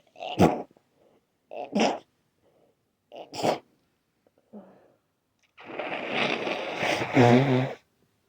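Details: Person with an itchy, sensitive nose who can't breathe through it because it's clogged: several wet, explosive bursts, likely sneezes, then a long noisy nose blow; congested, mucus-laden sneezing.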